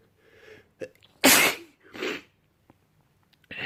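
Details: A quick indrawn breath, then one forceful, hissing sneeze burst and a softer exhale after it, from an adult man; sneezing.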